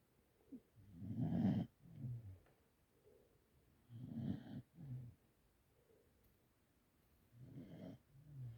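Quiet low rumbling breath sounds recurring with each breath, with softer exhalations between; a dog snoring during sleep.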